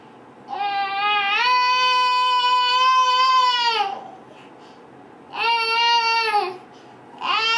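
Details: A sleeping girl with her eyes closed and her head on the mattress gives long, steady, high-pitched moans of several seconds separated by quiet pauses. It is a long-standing habit that sometimes wakes her: catathrenia.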